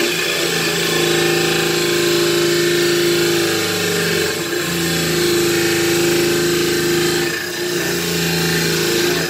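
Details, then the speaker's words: Dental lab model trimmer: loud steady motor whine with grinding rasp, dipping briefly as a stone cast is pressed to the wheel, trimming near the thin palatal area of a thickly poured cast. "The thinnest part is going to be right in here, you know, so you don't want to go too far, and you want to be thick enough so you're not going to grind through to the palate area either."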